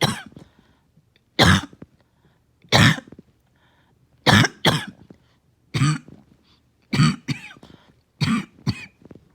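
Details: Harsh single and paired coughs every one to two seconds, about eight bursts; back-to-back morning coughing fits that leave the person winded.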